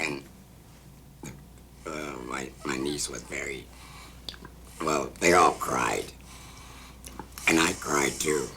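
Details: Laryngectomy patient speaking with an esophageal voice that took about 2 months to learn; esophageal speech.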